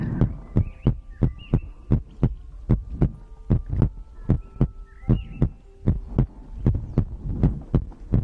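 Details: ASMR recording of a person's own heartbeat made for sleep: strong, regular paired thumps at about 76 a minute with faint background tones; normal heartbeat.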